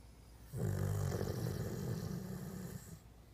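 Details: Snoring: one long, low, rattling snore on a breath lasting about two and a half seconds.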